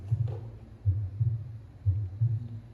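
Regular paired low thumps, lub-dub, at about 60 beats a minute. Normal first and second heart sounds.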